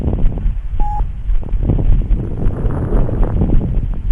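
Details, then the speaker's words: Chest auscultation example of pulmonary edema with lung congestion: breath sounds with fine, crackling pops late in each inspiration, i.e. fine late inspiratory crackles. "دي ليت فاين انسبيراتوري كريبيتيشن."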